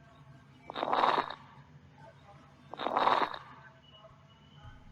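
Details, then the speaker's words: Coarse crackles: two rough breaths carrying low-pitched, bubbling, popping crackles like velcro pulling apart, separated by quiet pauses. "this one's described as a low pitched rattling or rumbling kind of like a snoring located in the bronchi not the alveoli here so the patho is mucus secretions or obstruction"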